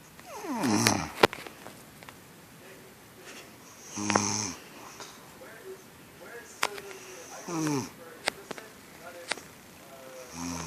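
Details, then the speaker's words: An adult woman (the recorder's mother) asleep, recorded secretly, snoring loudly and rattling on the in-breath, about 17 a minute, with sharp clicks and rustling between: ordinary sleep snoring. "So yeah, that is my mom snoring."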